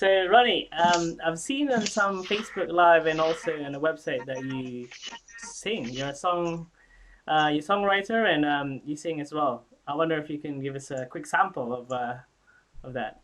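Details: Adult speaker; typical speech.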